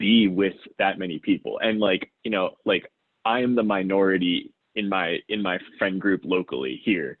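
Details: Adult who self-identifies as a person who stutters, speaking conversationally about their own real stuttering; stuttering.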